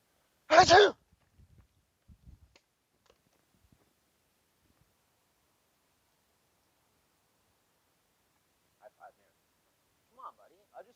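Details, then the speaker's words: Person sneezing a little into their hand: a single sharp, explosive sneeze, followed by near silence and faint distant sounds; sneeze. "I just sneezed in my hand a little."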